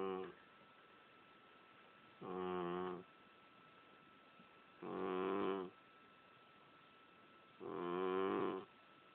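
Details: Regular rattling snores from a sleeping female cat, about 22 a minute, with quiet pauses between them; the owner says she really snores like this. Ordinary snoring.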